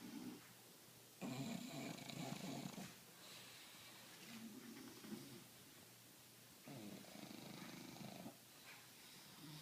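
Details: Two English bulldogs sleeping, Roxy and Priscilla, snoring together very loudly: loud, rasping snores in long, slow bursts with quieter breaths between.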